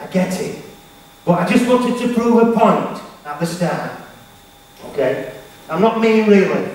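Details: Stuttering (stammer) in a male motivational speaker, who was referred to a speech therapist.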